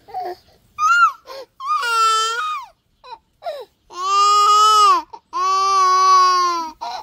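Loud, high-pitched infant cries in repeated long wails separated by brief gasping breaths. An ordinary infant cry.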